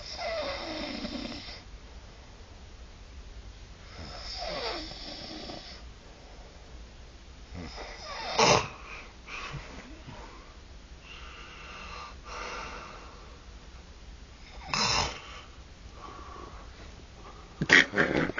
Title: Snoring Monster